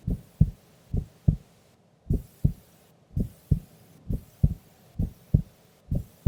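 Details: Heartbeat of a sleeping female during an afternoon nap: steady paired lub-dub thumps at about 65 a minute, regular resting rhythm.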